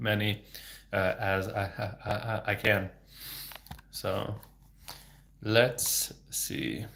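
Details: Adult male speech-language pathologist who has stuttered since age 8 (26 years), speaking without fluency techniques, with sound, word and phrase repetitions and blocks; stuttering.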